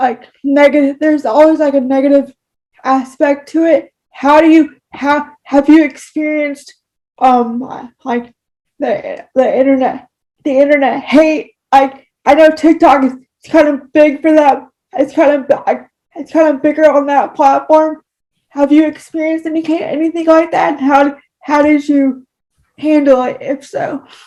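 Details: Speech disfluency with word and phrase repetitions in a person with cerebral palsy, heard in real conversational speech.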